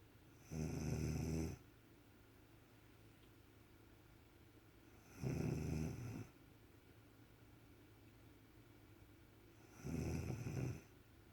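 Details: Mother asleep and snoring while her two-week-old baby stares at her: three deep, rattling snores about every 4.5 seconds, roughly 13 breaths a minute, with quiet pauses between.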